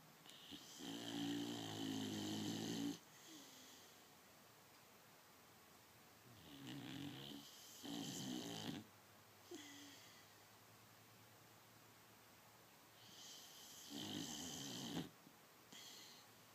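Loud rattling snores with quieter breaths between, about four snores in 16 seconds; ordinary dog snoring.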